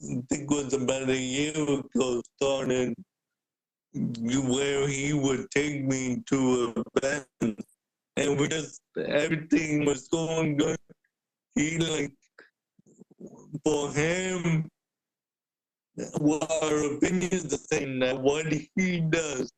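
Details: Adult man born with cerebral palsy, wheelchair user with physical limitations; the host notes speaking is hard for him; dysarthria (cerebral palsy).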